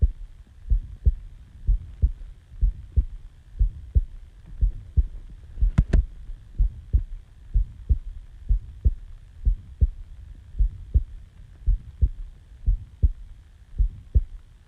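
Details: Normal resting heartbeat recorded right after waking from sleep: steady, regular low thumps at about 62 beats a minute.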